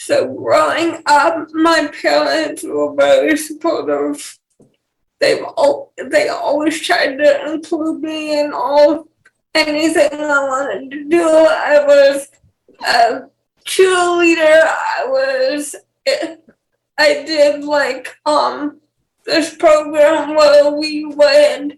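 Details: Dysarthria in a 28-year-old woman with cerebral palsy and cortical vision impairment; she has speech issues her fiancé lacks, and the host asks her to speak louder.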